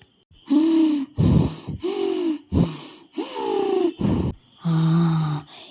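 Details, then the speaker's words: Simulated laboured breathing (dyspnoea) in a Malayalam short film: an elderly mother acts strained, groaning gasps with voiced moans; she says she can't get her breath properly, it worsened briefly and is fine now. "ശ്വാസം ശരിക്ക് കിട്ടണില്ലമ്മ. ഇടയ്ക്കൊന്ന് കൂടിയതാ, ഇപ്പം കുഴപ്പമൊന്നുമില്ല."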